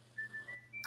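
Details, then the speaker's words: Adult with COPD who has been out of their inhaler, wheezing: a thin, high-pitched musical whistle rising in pitch across a breath. "I'm wheezing a lot because I've been out of my inhaler for my COPD. I just got it late today with my aid, but I can hear myself wheezing."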